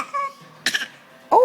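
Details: Child fake coughing on purpose as play while an adult coaxes the cough: voluntary cough.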